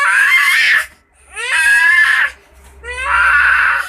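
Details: Young child wailing loudly in three drawn-out cries with gasping pauses, crying in pain after bumping the head and getting a lump.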